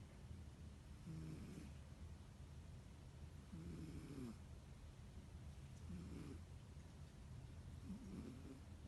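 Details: Cat: soft, low, rumbling breaths roughly every two and a half seconds, about four heard, under steady room hum; snoring.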